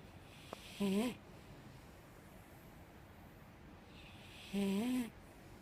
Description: Our five year old Mastiff rarely snores this softly. So I just had to video her sleeping and snoring.